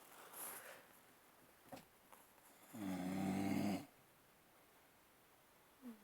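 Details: One loud, rattling, low-pitched snore about a second long from a person sleeping at a campsite, with faint breathing and outdoor quiet around it.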